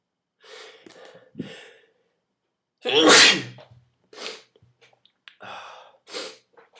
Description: Me sneezing with a twist tie